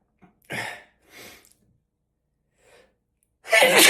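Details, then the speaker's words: Adult in a sneeze fit, about 15 sneezes so far despite blowing nose; fits happen occasionally. Run of sharp, forceful sneezes with quick breaths between, ending in a loud burst: repeated sneezing. "No, it's not. God damn it. It's still happening. Oh my god. I think I'm on like 15 now."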